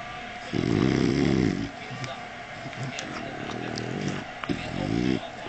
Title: Rocky, my french bulldog sleeping and snoring